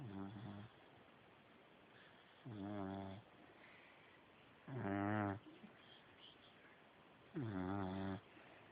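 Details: A 4-month-old American bully puppy (also called an American bulldog pup) snoring loudly: three rough, buzzing snores about every 2.5 seconds with quiet breathing between them.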